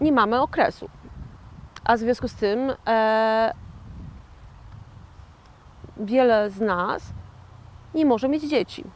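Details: 41-year-old woman who had a stroke in 2009, speaking years later as a stroke survivor with aphasia; aphasia after stroke.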